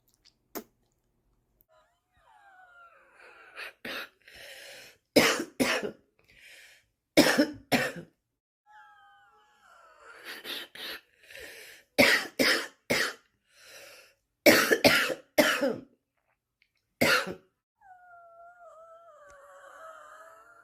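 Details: Bad smoker's cough: repeated harsh coughing in clusters with throat clearing between them; a cat meows in the background.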